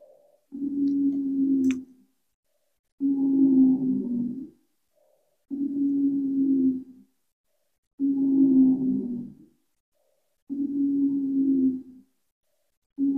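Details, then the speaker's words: Stethoscope recording of asthma: regular breaths each carrying a steady musical whistle from narrowed airways; wheezing. "these are the sounds that you hear with asthma if you were to do a oscilation with your stethoscope"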